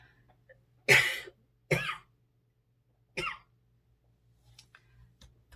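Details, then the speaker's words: Adult who says it is not flu but weak bronchi, coughing when raising the voice while teaching: three separate dry coughs in a quiet room with a low steady background hum. "독감은 아닌데 제 목소리가 조금만 커지면 이렇게 기침이 나와요. 기관지가 약해서 죄송합니다."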